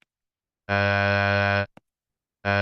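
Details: Simulated (modeled) vocal tract tremor: oscillation of vocal tract diameter in the oropharynx, shifting the formants.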